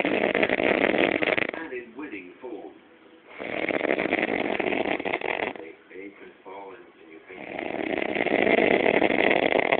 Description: still snoring like a trooper !!!!!!! But Louder !!!!